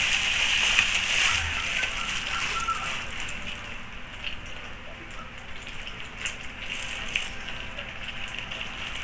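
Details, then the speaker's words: Steady splashing and trickling as warm water is poured to flush the perineum thoroughly during a perineal care demonstration on a male patient, after the groin is cleaned with cotton balls. "this card now we're going to blush the premium thoroughly with warm water"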